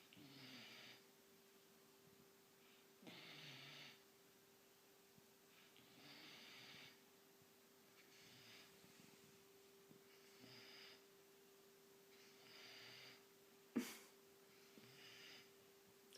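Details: 17-week-old white German Shepherd puppy asleep: soft, regular breaths with light snuffling noise on each cycle, about every two seconds, over a steady hum; light snoring.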